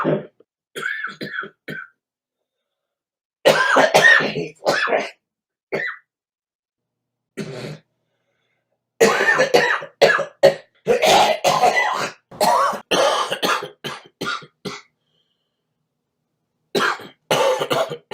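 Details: Adult man, a smoker, with repeated bursts of coughing and throat clearing separated by silent gaps; irregular cough episodes.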